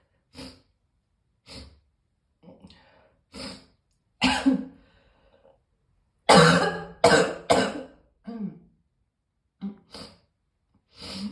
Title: Morning Cough